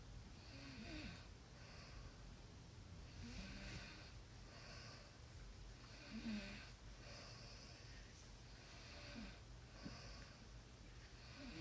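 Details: Soft, rough snoring during sleep, recurring about every three seconds (roughly 20 breaths a minute), over a steady room hum.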